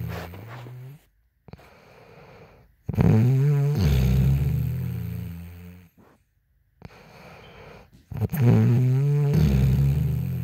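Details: Woman snoring during sleep: very loud, harsh, fluttering snores on inhalation, softer exhalations, brief pauses between breaths.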